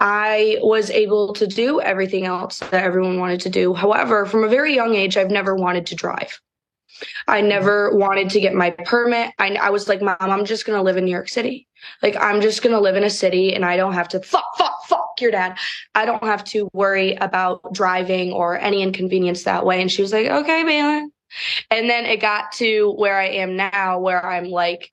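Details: Tourette syndrome vocal tic in an adult woman diagnosed at about age 17, whose tics include throat clearing, neck movements and vocal tics.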